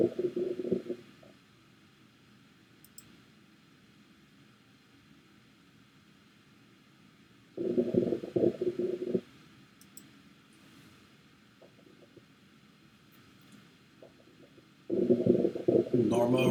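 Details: Abdominal auscultation in a comprehensive assessment: three short bursts of soft gurgling separated by quiet stretches; normal, normoactive bowel sounds.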